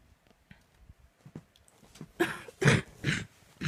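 Faint early sounds, then three loud harsh cough bursts in quick succession, part of a coughing fit.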